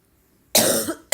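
A single harsh, deep cough burst with a barking quality, followed by the start of another.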